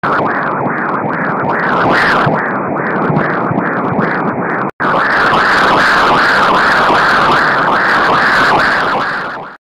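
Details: Late-pregnancy fetal ductus venosus Doppler ultrasound: rhythmic whooshing pulses at about 150 per minute with a continuous forward-flow pattern.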